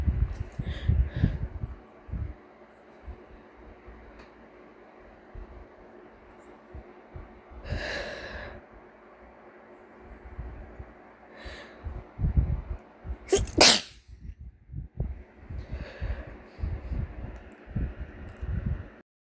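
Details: Stuffy cat with suspected allergy, heard right after waking: noisy nasal breathing with several sharp snorts and sneeze-like bursts.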